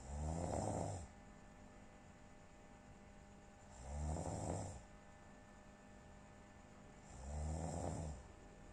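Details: Snoring: loud, rattling snores on each breath in, roughly every three and a half seconds, about 17 a minute, with quiet pauses between.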